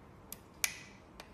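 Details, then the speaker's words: Nebulizer troubleshooting: a few sharp plastic clicks, one louder, as the cap is reconnected and seats fully onto the nebulizer, confirming a full connection needed for it to work. "first of all you can confirm if the cap has the full connection with the nebulizer press this button take out a trap module reconnection you can hear"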